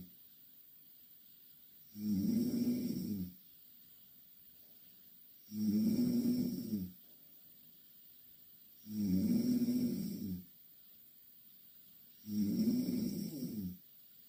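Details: Two Korean girls asleep in the same bed: four loud, rattling snores on breathing in, about 17 a minute, with quiet pauses between; regular loud snoring.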